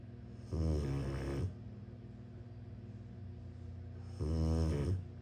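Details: Sleeping Rottweiler puppy snoring: deep, vibrating snores on each breath in, two in about five seconds, with a steady low background hum between them.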